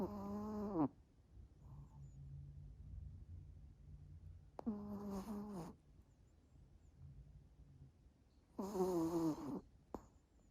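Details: Sleeping male, exhausted after a walk in the park and a vet appointment, giving three loud, whistling, tonal snores about four seconds apart with soft low breathing between; snoring.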